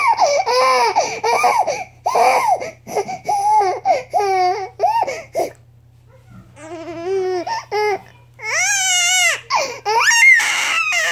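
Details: A 4-month-old infant crying: repeated short, high-pitched wails and fussing that end in louder, sustained crying.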